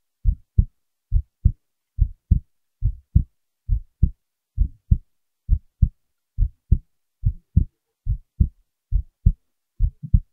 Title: heartbeat recording